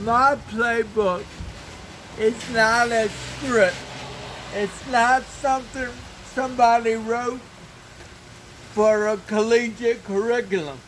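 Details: Dysarthria due to cerebral palsy in an adult man who has lived 49 years with the condition and reports a speech impairment.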